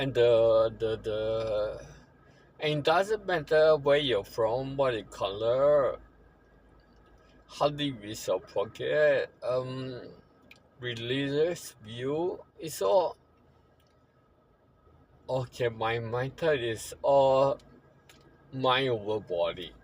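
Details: Ataxic dysarthria in a man living with ataxia that he says worsens over time, with a poor prognosis.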